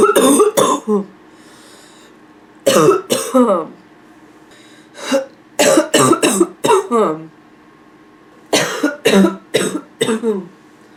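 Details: Nonstop barking cough, labelled (f): repeated harsh barking coughs in rapid clusters with brief pauses, with some throat clearing near the end.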